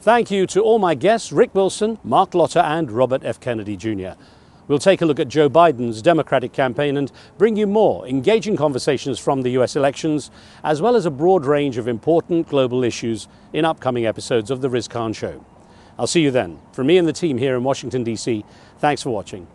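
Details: Adult male speaker; typical voice.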